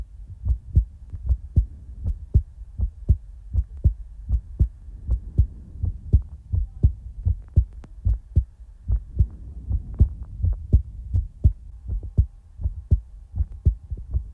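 Steady low thumping heartbeat at about 80 beats a minute over a soft hum; an ordinary heartbeat.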